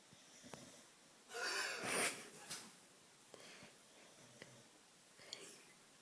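A loud, rough snorting breath in a sleeping dog, then quieter noisy breaths; snoring.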